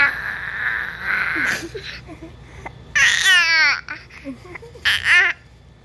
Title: Baby imitates Dady's Snore🤣🤣